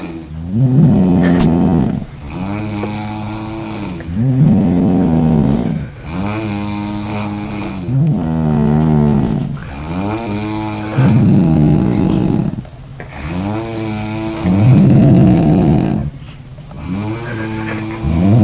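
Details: Two sleepers snore at the same time: loud, rumbling snores about 17 times a minute, overlapping in an uneven rhythm.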